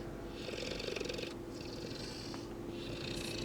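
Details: Sleeping St. Bernard dog snoring: rattling, purr-like breathing noise through a few slow breaths, with a steady room hum.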